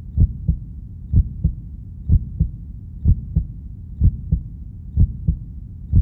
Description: Here's a short video of a stethoscope hearing heartbeat.